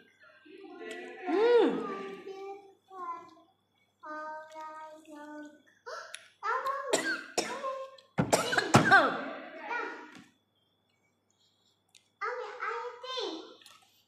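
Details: Woman eating rambutan on camera lets out a few short, sharp bursts of coughing between talking and eating sounds in a quiet room.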